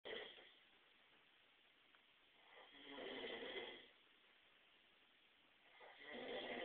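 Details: Man asleep in the next room snoring loudly enough to wake a neighbour: slow, rough rattling breath sounds about every three seconds in a quiet room; snoring.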